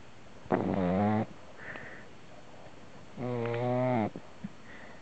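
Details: Two drawn-out, buzzing, slightly whistling snores with a soft breath between from a sleeping puppy named Cupcake; ordinary puppy snoring.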